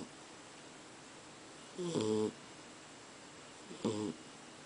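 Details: Dog snoring: two short, buzzing, nasal snorts about two seconds apart in a quiet room.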